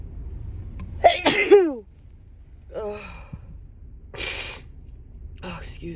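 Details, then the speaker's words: A forceful, wet-sounding sneeze with a sharp intake before it, then softer exclamations, from a woman with allergies during a long run of sneezing; allergic rhinitis. "Oh my gosh. Oh my God. These are so wet."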